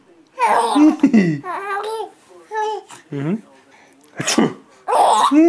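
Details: Sharp, forced sneeze-like bursts from an adult father mixed with a baby's laughter and babble: imitated, fake sneezes.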